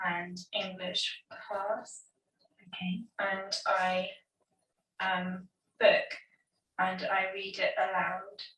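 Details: Woman with Broca's (non-fluent) aphasia following a stroke the previous year; she knows what she wants to say but cannot produce it, motor production of language impaired.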